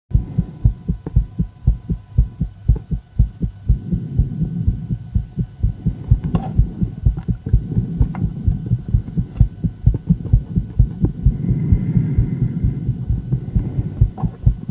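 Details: Female heart sound with ECG: fast, steady thumping heartbeats, roughly 120 to 130 a minute, over a faint background hum; rapid heartbeat (tachycardia).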